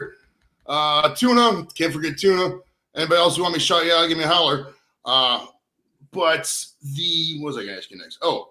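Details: Adult male speaker; Normal voice.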